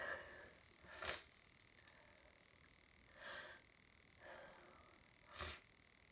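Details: Hay fever sneezing fit lasting about an hour, with a stuffy nose: several forceful sneezes with short inward breaths between them.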